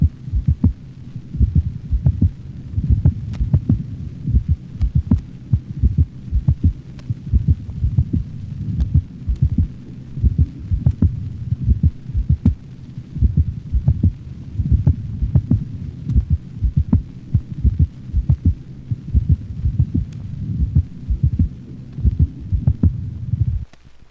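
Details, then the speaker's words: Dog heart auscultation: pairs of normal beats followed by an early premature ventricular contraction, giving a lub dub lub dub dub rhythm; premature ventricular contractions. "in the next recording to normal beats are followed by a premature ventricular contraction giving the impression of a lub dub lub dub dub rhythm"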